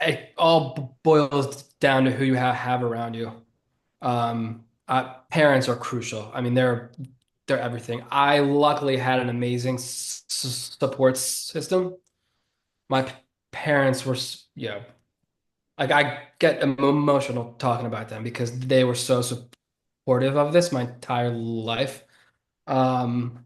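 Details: 33-year-old man who has stuttered since about age seven or eight, a stutter he considers predominantly neurological and relatively mild, not severe; stuttering.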